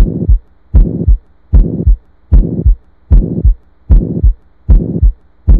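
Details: Stethoscope recording of abnormal heart sounds: regular heartbeat about 76 per minute with a harsh murmur filling the whole interval between first and second sounds, a holosystolic murmur of ventricular septal defect.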